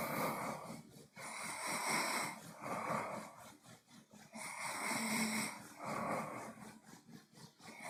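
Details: Adult man asleep with closed mouth: rough, noisy breathing, about 19 breaths a minute, with nasal snoring quality.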